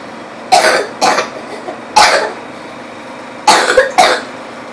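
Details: A child gives five short, harsh coughs in uneven bursts over about four seconds, described as choking, with faint background noise; repeated coughing.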